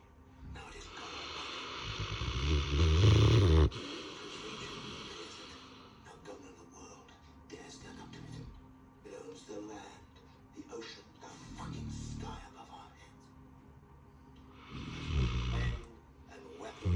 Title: My Saint Bernard snoring So Loud 😂